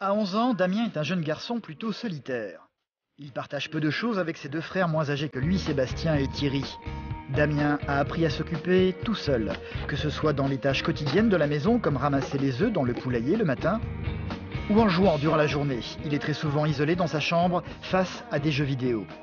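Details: Adult male narrator; fluent narration.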